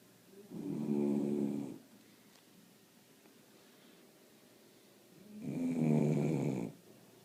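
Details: Sleeping puppy snoring: two drawn-out, buzzing snores about five seconds apart on inhaling, with quiet breathing between them.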